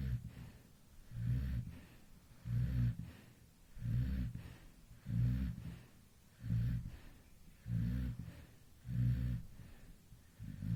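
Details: Infant snoring.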